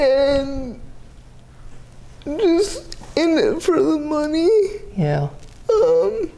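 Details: 30-year-old woman with GMFCS Level 4 cerebral palsy, quadriplegia with an athetoid component, affecting the speech muscles so speech may not be fully clear; dysarthria (athetoid cerebral palsy).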